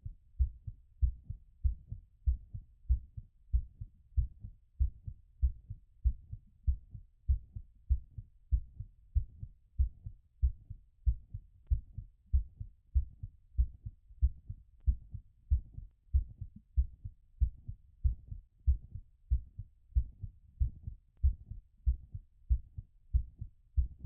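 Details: Stethoscope auscultation during post-exercise recovery: regular, brisk heartbeat at about 95 beats a minute, normal heart sounds.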